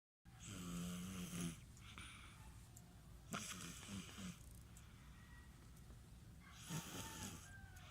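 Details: Sleeping 20-month-old toddler: rough, rattling snores on breathing in, with quieter breaths between; snoring.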